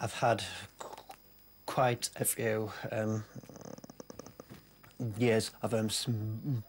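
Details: Adult man with a severe, lifelong stammer; stuttering.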